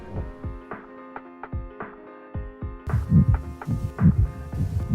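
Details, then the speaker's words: Pericardial friction rub in pericarditis: heartbeats about 67 a minute with rough, scratchy to-and-fro noise, typically three components (two systolic, one diastolic), like squeaky leather, grating or rasping. "extra heart sound of toan fro character typically with three components two systolic and one diastolic it resembles the sound of squeaky leather and often is described as grading scratching or rasping"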